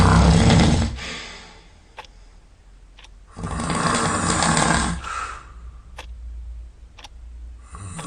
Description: Molly is busy snoring covered in grass. Don't wake her please, she's snoring really loudly.